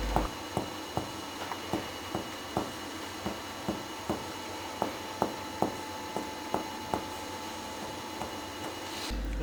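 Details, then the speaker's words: Normal resonant percussion note over the lung fields, from a chest percussion demonstration on the posterior chest wall above, between and below the scapulae. "normally we hear a resonant tone above all the areas of the lungs"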